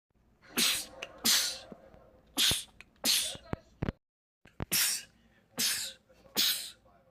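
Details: Male rapid sneezing attack from a sneezing compilation: seven loud, explosive sneezes in quick succession with short gaps; repeated sneezing.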